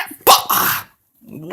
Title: Killer sneeze lol